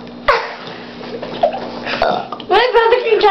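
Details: 4-year-old boy burping on demand while counting to ten: long, croaky, voiced belches with some vocal sound mixed in and room hum behind.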